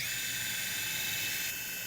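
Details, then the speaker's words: Surgical power drill in a live demo of robotic, minimally invasive pedicle screw placement at L4–L5: a continuous high grinding whir that changes slightly partway through as the drill hits the entry point of the left L5 pedicle. "so we're docking down left l5 so the sentence gonna go ahead and drill again we're watching now in real time is the drill hitting the entry point of the pedicle"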